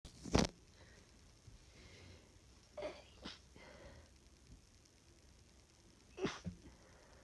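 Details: Exhausted adult with flu, real-time sneezing fit: about four short, suppressed sneezes that cannot reach full force, with sniffs between them.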